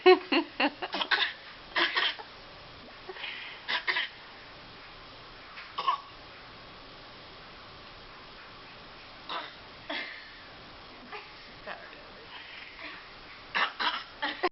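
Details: Baby gives several small, brief coughs and throat sounds with quiet gaps while having the mouth wiped: infant cough.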